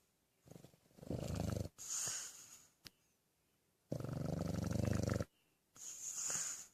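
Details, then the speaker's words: Dog asleep, snoring until woken: rhythmic fluttering, rumbling snores on each in-breath alternating with hissy out-breaths, about 17 breaths a minute; snoring. "Hey, wake up, buddy. Hi. You were snoring. Hi, buddy."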